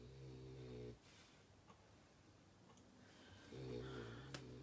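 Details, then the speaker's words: French Bulldog sleeping on the sofa, snoring: two rough, buzzing snores separated by a quiet pause in a quiet room. "little Frenchie is absolutely soundo on the sofa. I'm so sorry if you can hear her snoring."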